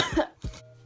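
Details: Person who is sick; two quick, harsh coughs in a row with a throat-clearing quality, a brief cough during illness.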